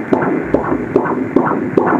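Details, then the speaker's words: Rhythmic whooshing thumps on Doppler ultrasound from a fetus at about 28 weeks (nearly seven months), estimated weight 1.119 kg; the doctor reads 135 a minute, a normal fetal heart rate, and the baby is well positioned. "শব্দ এটা বলেন তো এটা হচ্ছে বাচ্চার যে heartbeat আছে না ওই হার্টবিটের শব্দ ঠিক আছে"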